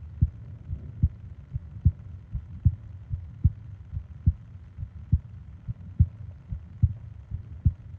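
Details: Normal heartbeat: regular, soft, steady lub-dub at about 73 beats a minute over a low background hum, from a 20-minute ASMR sleep-aid recording of heart and breathing sounds.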